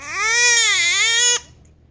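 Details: Infant girl fussing over her hiccups: a single loud, drawn-out wail of about a second and a half, rising and falling in pitch, then stopping abruptly; an ordinary fussy cry.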